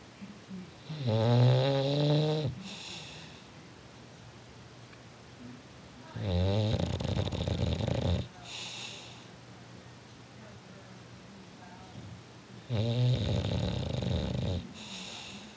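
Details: Bulldog sleeping in a chair: loud, rattling, low snores on each breath, about four a minute, with quiet pauses between; snoring.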